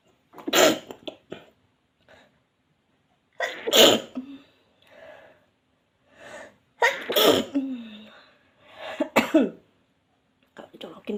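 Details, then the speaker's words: Several separate explosive sneezes with quiet gaps, in a person immediately after a nasal swab for a COVID-19 test, who says they always sneeze and get a runny nose after swabbing. "Udah, selalu saya kalau habis di swab itu langsung bersin-bersin dan mengeluarkan air."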